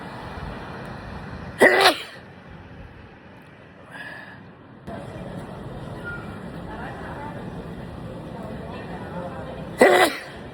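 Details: Sneezing: two sudden, explosive sneezes about eight seconds apart, with faint background noise between them.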